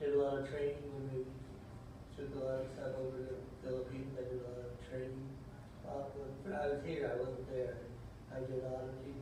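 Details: Man with Parkinson's disease, real clinical sample played by a speech-language pathologist; listeners noted low volume, short simple phrasing and poor respiratory support; the clinician noted no facial expression or body movement; hypokinetic dysarthria.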